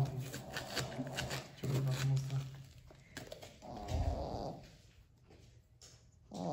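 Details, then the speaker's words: A sleeping pet snores in the background during kitchen cooking: low, rattling, buzzy rumbles with faint room noise. Snoring. "acabamento seu vídeo você está um barulho aí tá não liga aqui é o que ele ronca muita gente eu tô te falando e vocês provavelmente deve tá escutando o ronco dele então vocês já sabem que esse barulho de fundo é o ronco do like"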